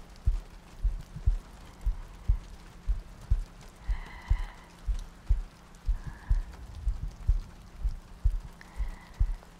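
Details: ASMR sleep-aid loop, likely simulated: slow, regular soft low heartbeat thumps at about 60 per minute under light rain-like noise, meant to sound like lying next to a partner; heartbeat.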